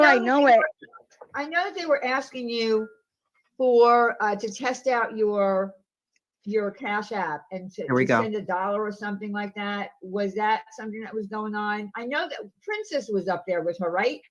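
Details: Adult speaker; normal speech.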